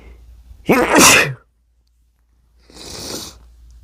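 One sharp, explosive sneeze, then a short silence and a softer hissing breath out.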